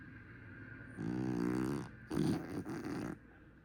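Two rough, rattling snoring breaths over a steady room hum: snoring in a flat-faced dog.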